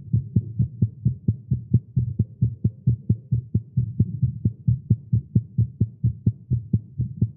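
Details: Male's fast, thumping heartbeat at about 130 beats a minute, mostly even in rhythm, recorded live after exercising with caffeine; tagged irregular heartbeat; tachycardia.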